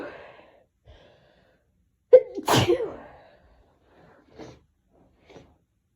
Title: Hitchy Sneezes and Buildups